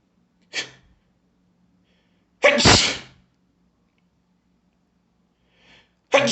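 A short intake sound, then one forceful, hissing burst, with another sneeze starting at the end: strong sneezing.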